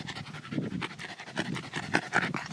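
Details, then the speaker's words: Dog overheated in hot weather after a bike outing, seeking shade, pants rapidly and heavily. "он задыхается захлёбывается всё сразу"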